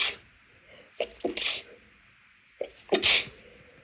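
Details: Stifled sneezes after cleaning, with nose irritated by dust and cleaning products (no known allergy to either): a run of short, held-back sneezes, each with a quick catch of breath and a muffled burst.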